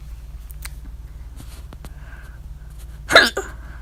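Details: A single loud, abrupt hiccup near the end with small clicks before it, quiet room, 3:04 a.m., attributed to overeating at dinner; louder hiccups with mouth open. Hiccups.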